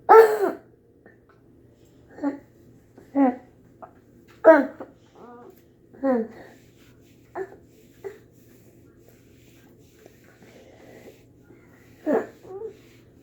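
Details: Young child waking after a night of croup makes harsh, high-pitched noisy breaths between quiet pauses: inspiratory stridor from croup.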